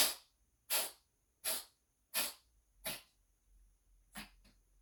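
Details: A fit of six sharp, hissing sneezes in quick succession from a dog, about one every 0.7 seconds, then a smaller seventh: uncontrollable sneezing.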